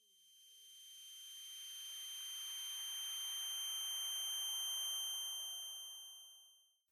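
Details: Simulated tinnitus attributed to stress: steady high-pitched whistling tones over a rising hiss, illustrating the phantom sound.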